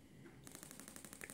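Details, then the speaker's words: Radial shockwave therapy for grade 2 cellulite on the thigh, Gymna Shockmaster 300 with 20 mm head, 1.6 bar, 12 Hz, over gel, in runs of shocks up the leg: rapid regular sharp clicking pulses, about twelve a second. "this is Method number two where you run a series of shocks up the leg stop come back down to the bottom and run a next series of shocks up the leg stop once again come back"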